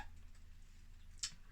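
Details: A single tiny, sharp, high-pitched sneeze against faint room noise from a caged, ill female pet rat with a respiratory illness.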